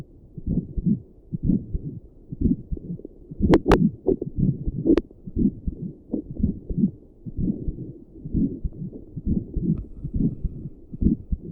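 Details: An adult's normal heartbeat while sitting at a desk, with a visible neck pulse, recorded through doppler and stethoscope audio combined: steady, regular whooshing beats at about 60 a minute, with a few handling clicks.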